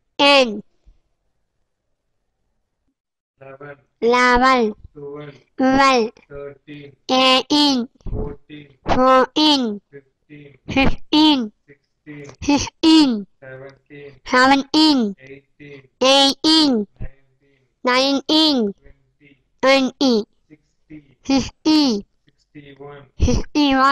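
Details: Hypernasality in a child's rote speech due to velopharyngeal dysfunction; intelligibility reasonably good.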